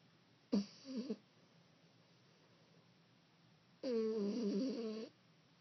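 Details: Two rough, fluttering snores, one brief and one longer, from a sleeping 15-week-old French bulldog puppy in a quiet room; loud puppy snoring.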